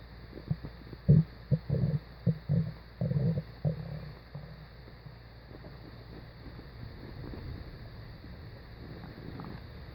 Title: Stomach growling